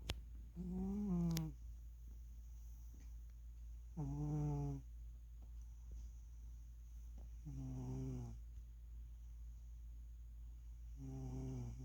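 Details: A sleeping cat napping snores loudly in a regular rhythm, about 18 snores a minute.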